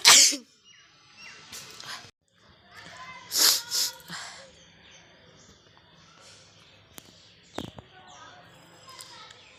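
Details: Deliberate sneezing and nose-blowing challenge: a loud acted sneeze, then several softer sneezes and sniffs with nose-blowing noises, in a quiet room.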